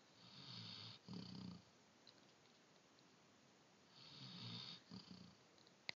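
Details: Jake snoring: two slow, rough snoring breaths about three seconds apart, each a low rattling inhale followed by a softer exhale.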